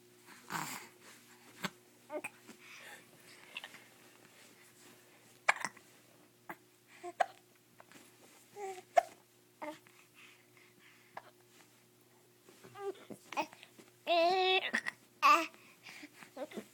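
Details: Young child, filmed while a parent talks, gives repeated brief, sharp, irregularly spaced hiccups with soft voice sounds between them; hiccups.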